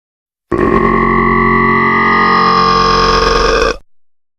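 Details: Simulated sound effect of a million people burping at once: a loud, long, rumbling layered belch lasting about three seconds.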